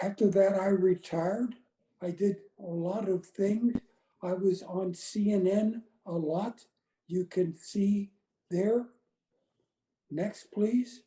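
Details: Woman with non-fluent aphasia after a gunshot wound to the head in January 2011; words are in her brain but she can't get them out; speech short and effortful.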